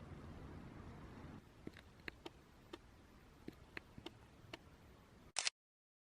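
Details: Curly-feathered budgerigar with a chronic nasal condition, under veterinary treatment but not improving, recorded June 2017: a quiet series of about nine tiny, sharp clicking sneezes within a few seconds.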